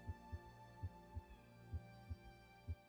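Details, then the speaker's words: Normal patient, listened at the apex with the bell, possibly lying in left lateral position, timed against a vessel; steady heartbeat near 70 a minute with a soft low thud after S2: physiologic third heart sound (S3). "Now we're going to continue to examine this normal patient. Although a third heart sound can also clear the abone. But let's listen at the apex in this normal patient."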